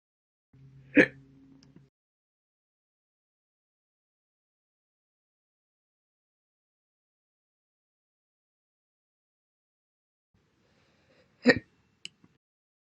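Two sharp, abrupt hiccup sounds roughly ten seconds apart, with silence between them, fitting slow hiccups.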